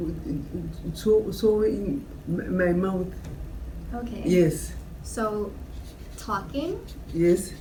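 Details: Brain injury survivor (aphasia commonly follows stroke; this patient's exact injury unstated) living with acquired aphasia, attending group therapy; aphasia.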